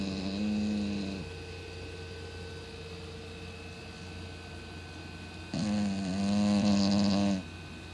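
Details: Loud snoring from a 17 lb female Cocker Spaniel: two loud, drawn-out droning snores, several seconds apart, over a steady background hum; loud enough to wake the owner at night.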